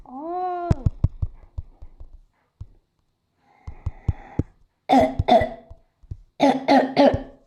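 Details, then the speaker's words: Two bursts of several harsh coughs, with a voiced sound at the start, from a young person who had a bad cough and was unwell that morning, recorded while playing a game; cough. "You can hear my cough and the rest of this. I do apologize, and I don't mean it. It's just that I can't help coughing in this video."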